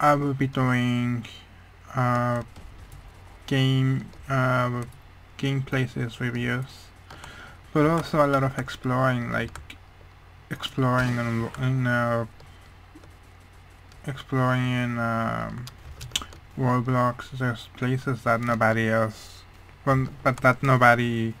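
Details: Male speaker who attributes how his voice sounds mainly to a hearing problem, not his accent; speech of a person with hearing loss.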